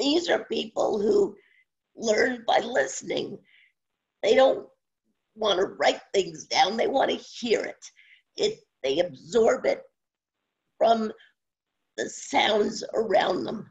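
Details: Adult woman with spasmodic dysphonia, no cure, onset around 2010 and progressively worsening; awaiting a postponed Botox injection; scratchy voice; spasmodic dysphonia.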